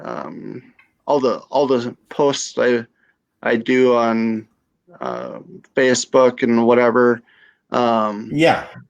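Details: Adult female stroke survivor with aphasia after stroke.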